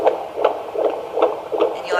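Rapid, regular whooshing pulses of a fetal heartbeat on Doppler, about 150 beats a minute, a normal fetal heart rate.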